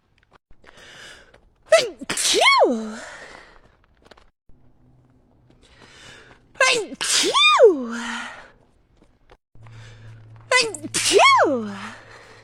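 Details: Girl with allergies who ran out of allergy medicine, sneezing so hard she bit her tongue: three loud sneezes, each with a sharp inward gasp then an explosive burst, several seconds apart.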